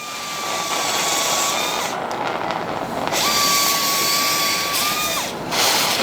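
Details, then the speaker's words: High-speed bone drill moved horizontally during midline biportal endoscopic (UBE) decompression of two-level lumbar canal stenosis, patient with claudication at about 200 m: steady high-pitched whine over loud rushing, briefly stopping and restarting, until ligamentum flavum visible. "This technique is done with very soft hands. You only move the uh drill horizontally that makes the surgery definitely faster and and precise."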